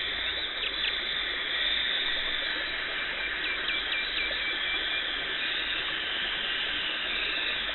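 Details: Dental hygienist performing a professional teeth cleaning in a dental clinic, removing tartar and plaque, no talking: steady high hiss with faint shrill chirps, like a scaler running with water spray and suction.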